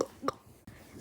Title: Sorry I just hate having the hiccups #sorryforconflict #wonthappenagain